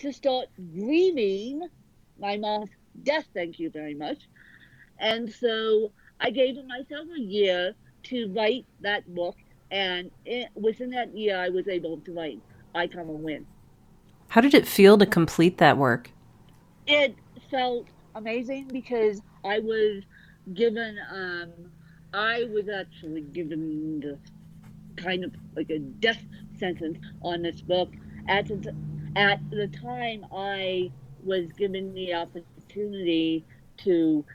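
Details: Dysarthria in a woman author born with cerebral palsy affecting both sides of her body; her speech is largely unintelligible to automatic transcription.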